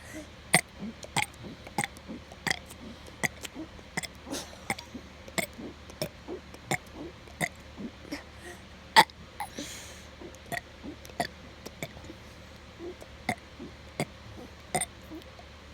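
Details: A person burping: repeated short, sharp bursts, about 25 in 16 seconds, a run of small burps.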